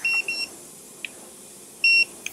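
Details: Dental X-ray unit exposure signal while taking a molar radiograph on a returning patient during a full-mouth series; two brief high beeps, then a longer tone, with faint clicks.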